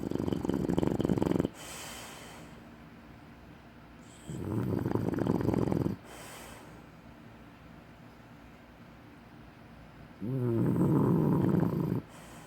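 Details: Bulldog snoring with eyes open: three loud, rattling, snorting snores over about twelve seconds, roughly fifteen breaths a minute; noisy snoring in a flat-faced dog.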